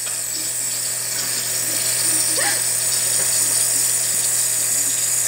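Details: Continuous high-pitched mechanical whine and hiss of a nebulizer compressor as a young child takes cough medicine through it, sometimes losing air, while watching TV in a small room.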